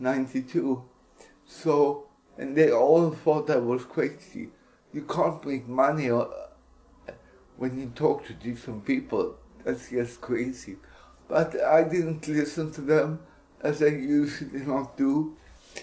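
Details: Speech of an adult man with cerebral palsy (CP injury); possible dysarthria, no specific speech disorder named.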